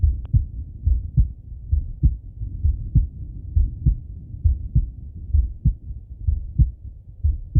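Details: Regular low male heartbeat at about 65 beats a minute through a stethoscope, with soft breathing in the background; normal heart and breath sounds on auscultation.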